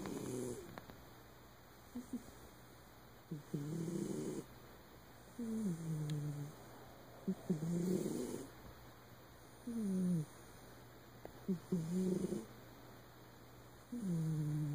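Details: Sleeping cat: soft, rhythmic, low rumbling snores at about 15 breaths a minute; snoring.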